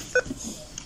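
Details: Single short electronic beep from a defibrillator analyzer during shock delivery testing of a defibrillator (several shocks delivered), over quiet room noise.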